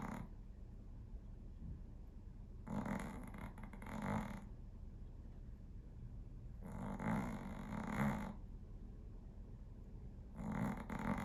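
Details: Snoring: slow, rattling snores on each breath, about 15 a minute, over a steady low background hum.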